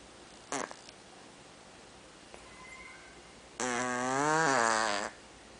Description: Check out my cat Danny snoring